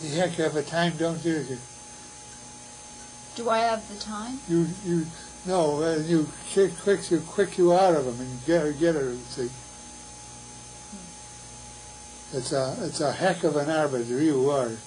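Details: Patient with Wernicke's (fluent) aphasia with poor comprehension; Wernicke's aphasia.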